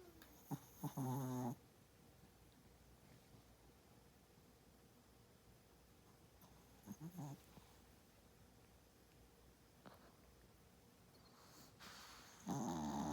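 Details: Small dog, which plays hard, snoring loudly in a quiet room: buzzing snores on the breath in, spaced several seconds apart.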